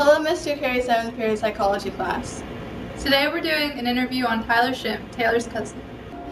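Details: Child or teen female student speaking; typical speech.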